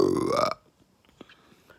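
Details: One loud, drawn-out belch with a rising pitch, followed by quiet room sounds; violent burping attributed to eating fast food.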